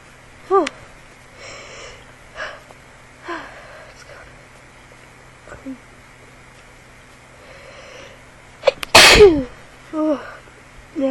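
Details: Person suddenly caught in an unintended, hard-to-stop sneezing fit while trying to record; a run of repeated sneezes with a sharp intake before the loudest, over steady room hum; a bout of repeated sneezing.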